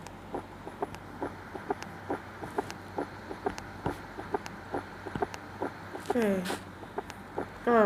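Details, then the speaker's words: Third heart sound (S3 gallop) played during a nursing lecture on circulatory auscultation, after murmurs from aortic or mitral regurgitation were demonstrated; compared afterwards with a normal heart sound. "Hai kupu-kupu enggak termasuk berumur kupu-kupu kupu-kupu kupu-kupu ya Mama tadi bunyi jantung tak coba saya dengarkan akunya jantung tiga saya dengarkan Hai"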